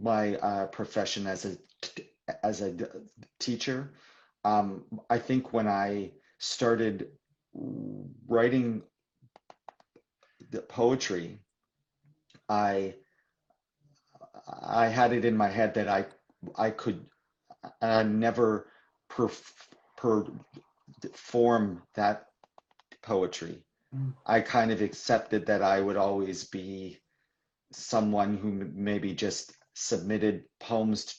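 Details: Stuttering in a man in his mid-40s, a poet, author and teacher described as a person who stutters; real, live conversational speech with repetitions.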